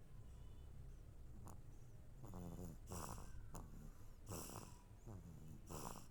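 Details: Baby snoring: repeated rough, rattling breaths over a low steady background.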